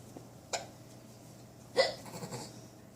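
Two brief, abrupt sounds about a second apart in a quiet room: hiccups.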